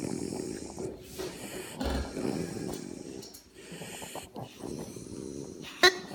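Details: Dog lounging and sleeping: rough, snorting breaths with soft rattling on each breath in a quiet room; ordinary snoring.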